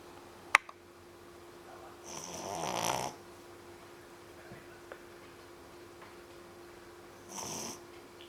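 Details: 3-month-old puppy snoring after a long day playing at the beach: two soft, rough snoring breaths over a steady background hum, light snoring.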